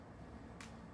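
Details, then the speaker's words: Faint sharp click of finger joint crepitus during a slow wrist and finger stretch, thumb left out, in an adult with arthritis in the fingers after heavy computer use; crackling varies day to day. "way if you were listening closely you can hear a little crepitus I've been on the computer a lot today I do have arthritis in my fingers it's unfortunate and there are some days less crackling"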